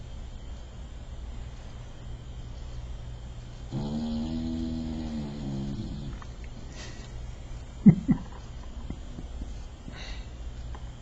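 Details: A female bulldog in her full-on snore gives a single prolonged, low, rumbling snore, followed by quiet room noise and a couple of soft clicks: dog snoring.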